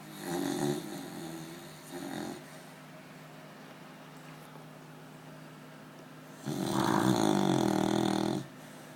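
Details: Beagle (Luna) snoring during an afternoon nap: rattling, droning breath sounds, a long quiet pause, then a longer snore.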